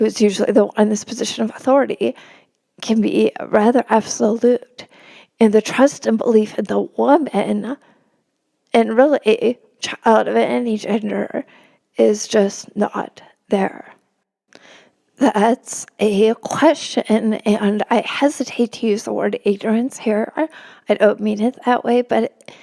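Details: Adult woman with spasmodic dysphonia, real, speaking in a podcast interview; she notes it makes her sound nervous though she is not; spasmodic dysphonia.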